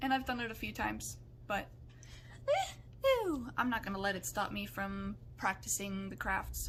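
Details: Adult with Tourette syndrome whose vocal tics include involuntary noises, words and swearing, which they say they cannot control; vocal tics (Tourette syndrome).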